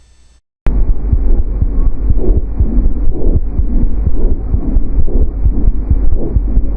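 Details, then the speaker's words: Normal bronchovesicular breath sound, intermediate between bronchial and vesicular: soft, steady rushing breaths with heartbeats thudding underneath. "ele pode auscultado no primeiro e segundo espaço intercostal nas regiões Inter escápulas vertebrais e via de regra nos lado direito ele é mais perceptível do que no hemitórax esquerdo"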